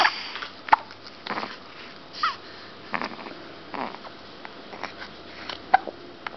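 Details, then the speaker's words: 15-day-old baby boy hiccuping, chest visibly jerking, possibly from a bit too much food: soft repeated catches every second or so with faint snuffly breathing between; newborn hiccups. "he's hiccuping right now and look o look at his chest yeah oh poor thing looks like it hurts looks like it hurts but the internet you and The Midwives says that it's nothing it doesn't really hurt them it's just maybe a bit too much food"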